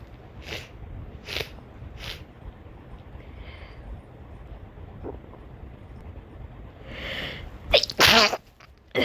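Several sharp sneezes over steady background hiss, ending in a loud sneeze burst.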